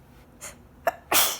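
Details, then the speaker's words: Sneeze during a pollen-triggered fit, person sitting up, saying they can't take in as much air as they want: a faint inward breath, a sharp catch, then one loud, somewhat muffled explosive sneeze. "it's hard actually hard to sneeze wanna blow my stomach but they don't I don't know I feel like they sound weird you because I can't take as much air as I want to"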